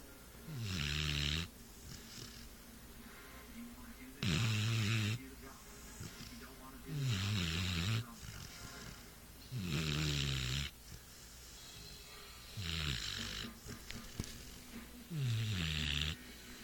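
Six rhythmic snores, about 22 a minute. Each has a low rumbling draw followed by a hissy, whistling release, with quiet gaps between.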